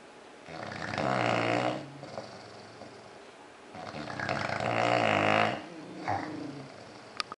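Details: Loud, harsh rattling snores with snorting breaths from two sleeping bulldogs, two long cycles heard; snoring.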